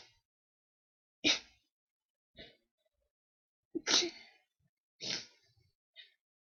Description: woken up by a sneezing fit so decided to record sorry if quality is bad in places but holding a mic and sneezing like that is hard! bless me!